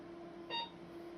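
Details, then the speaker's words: Radiofrequency microneedling self-treatment with a 25-fine-needle handpiece at deeper, longer-dwell setting to target fat cells: a single brief electronic beep over low room hum, delayed by the longer energy delivery time. "before that little beep sounds, but that's that little bit longer energy delivery time that's necessary if you want to target fat cells."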